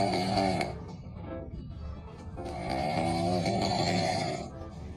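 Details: Sleeping bear cub snoring: long, rough, rumbling snores with soft pauses between breaths over a steady background tone; snoring.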